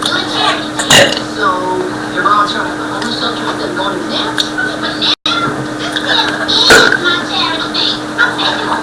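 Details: Person deliberately burping repeatedly for a video: loud belches over constant room noise, a few bursts standing out; burping.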